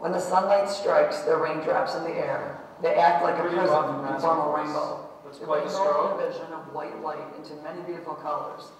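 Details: Hoarse, raspy voice in a woman, a gym teacher, from a large cyst on the vocal fold undersurface that produced a reactive polyp on the opposite fold; long delay before care, later surgically removed with improvement; reading the Rainbow Passage.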